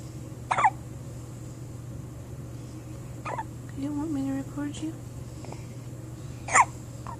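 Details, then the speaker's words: First hiccups: three abrupt, sharp catches in the breath about every three seconds, with a soft voice in between; hiccups. "You got hiccups? You got the hiccups?"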